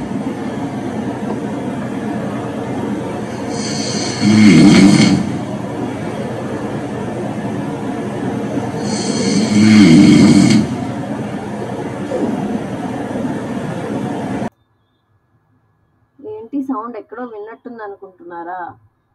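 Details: Primary snoring, not yet at the stage of oxygen drops or waking at night gasping for air.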